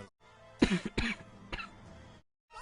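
Two harsh, abrupt cough bursts and a softer third, with a barking quality, over background music.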